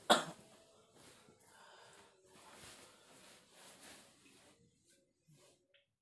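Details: Adult man with masuk angin, feeling feverish and unwell in rainy weather, coughing at dawn during kerokan scraping by his wife: one sharp loud cough, then quieter throat and breathing sounds in a small room.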